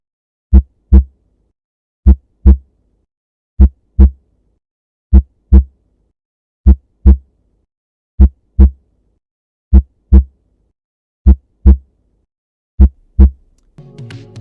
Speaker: kamu pasti mengenal bunyi detak jantung kamu sendiri biasanya kita menyebutnya tetapi sebenarnya bunyi jantung itu seperti ini dengarkan baik-baik